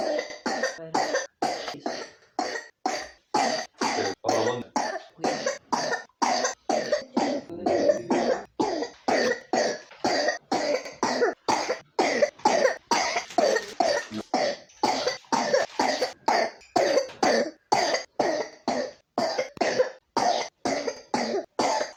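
A young child coughs repeatedly in rapid short bursts, roughly forty-five coughs in about twenty seconds, with pneumonia.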